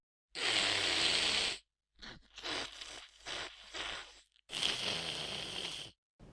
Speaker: then you want to listen for any upper airway congestion